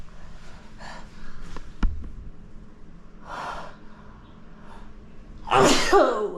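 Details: Person sick for a week with a cough: a few quiet breaths and rustles, then one loud, explosive sneeze near the end.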